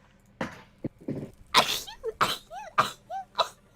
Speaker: oh my god that was a weird sneeze ladies